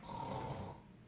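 A low, rough, fluttering breath sound imitating a snore; snoring grows louder as the airway narrows.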